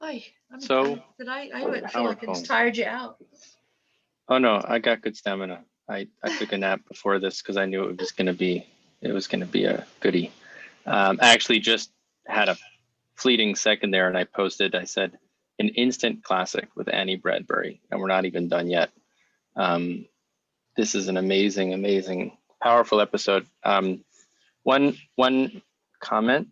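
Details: Adult speakers in conversation, podcast recording; ordinary conversational speech.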